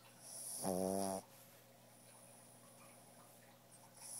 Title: Pug snoring